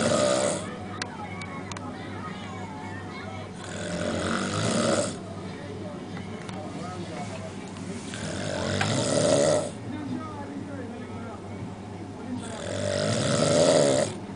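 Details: A boy snoring: three loud, rough snores about 13 a minute, with quieter breathing between them and faint background noise.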